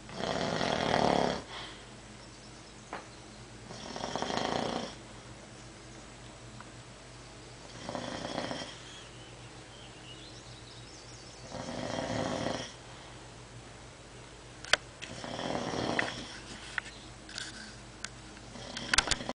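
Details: Ordinary snoring: rough, rattling snores on each breath in, about 16 a minute, with quiet pauses between them.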